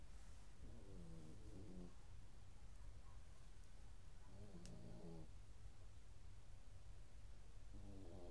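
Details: Sleeping dog snoring: three short, soft, rattling snores at regular intervals over a steady background hiss.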